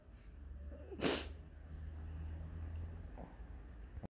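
A single sharp, explosive nasal burst against quiet room noise. One sneeze.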